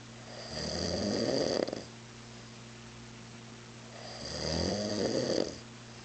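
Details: Adult man sleeping on a couch around 3 a.m. after heavy mezcal drinking, snoring very loud: two loud, rattling in-breath snores about three seconds apart over a steady background hum.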